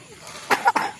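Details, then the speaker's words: Young child with a cough and cold gives two short, sharp coughs in quick succession over quiet room noise. "Dedek lagi batuk pilek tuh. Lagi batuk pilek."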